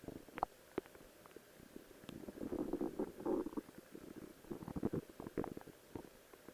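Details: Person's own stomach growling while posing in a cosplay outfit: soft bubbling and gurgling rumbles with scattered pops, quiet against room hiss.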